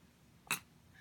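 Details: Person with hiccups: one brief, sharp, quiet catch sound against faint room noise; a single hiccup.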